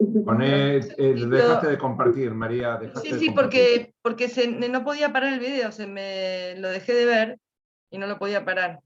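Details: Adult speaker; normal speech.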